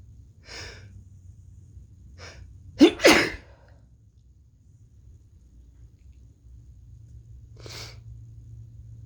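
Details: Soft breathy intakes, then a forceful double sneeze and another quiet breath, from a person sick for several days with a possible cold; sneezing.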